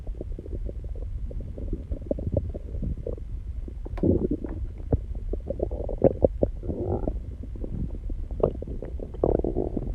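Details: Own stomach recorded close to the belly after exercising and calming down; continuous low gurgling and rumbling with bubbling pops: stomach growling (borborygmi).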